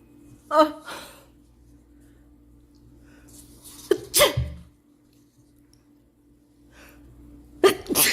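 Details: Young Asian woman sneezing uncontrollably, possibly induced by nose swabbing: several sharp sneezes, some preceded by a quick in-breath, spread over a few seconds with quiet room noise between.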